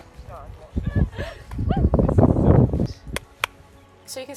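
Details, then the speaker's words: Clip from 2018 or 2019 of a tic flare-up in a person later diagnosed with Tourette syndrome, tics then called FND tics: sudden shouted "wow"/"hey" vocal bursts, clapping and head jerks, described in hindsight as mild. "during these flare-ups i developed ticks where i would say wow and like uh what else did i say hey that was it i would shout hay quite a bit i started clapping a lot more a lot more head jerks"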